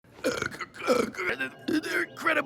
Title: Burps for a Whole First Season